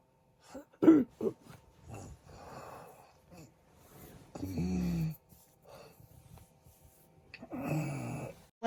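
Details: An adult man snores while asleep, reportedly stopping breathing in his sleep (possible sleep apnea): irregular, rough, rattling snores separated by short quiet gaps.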